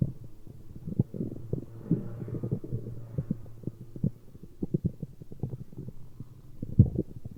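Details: Dull, close low rumbling with many soft gurgles and pops; ordinary stomach growling (borborygmi).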